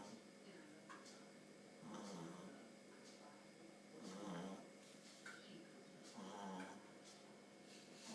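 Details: Nine-week-old pug puppy sleeping and snoring: soft, snuffly, slightly whistling snores about every two seconds over a faint steady hum.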